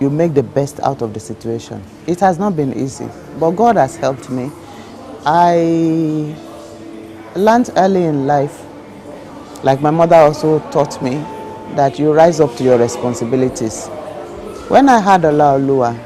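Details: Adult woman speaking; ordinary speech.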